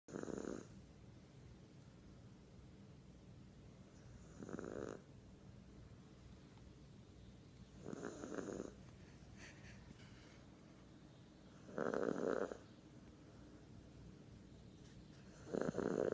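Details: Snoring from a sleeper called "baby": loud rasping snores recur about every four seconds, roughly 15 a minute, over quiet room noise.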